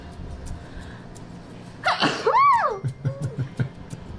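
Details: Sneeze set off by a COVID-19 nasal swab test: a single sharp sneeze with an indrawn gasp, then brief murmured sounds; an ordinary reflex sneeze.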